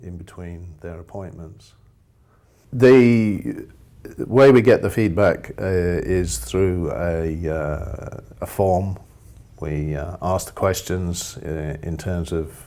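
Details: Adult man speaking; ordinary speech.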